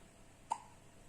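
A single soft, abrupt catch in quiet room noise, a baby's hiccup.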